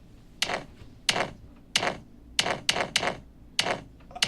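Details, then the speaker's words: Sharp heartbeats at uneven, unpredictable intervals, about 95 a minute, an irregularly irregular, totally irregular rhythm of atrial fibrillation, played by a cardiologist as an arrhythmia example. "Parece uma batida num tamborzinho. Além do tchan, é um tchan, batido. Olha só aqui, é uma batida totalmente irregular."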